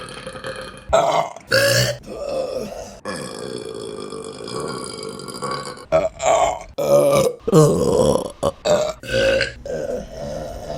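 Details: Repeated loud, long belches, some drawn out for several seconds, with short gaps between them; burping.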